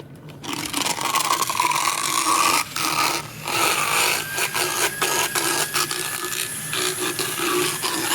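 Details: Horse about 10–12 years old, power float filing back molars with a ramp on the last molar; horse biting the handpiece head, stalling it: harsh rasping and grinding bursts with brief pauses.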